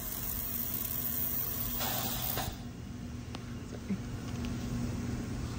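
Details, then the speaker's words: Dental Cavitron ultrasonic scaler set up with power at a quarter turn and water adjusted to a steady drip and small mist halo; hissing spray with faint steady hum. "turn the water up a little bit okay you see that drip it's just about perfect"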